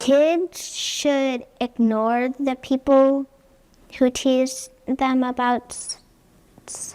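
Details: Girl with developmental stuttering, the form arising in childhood while first learning language. Stuttering.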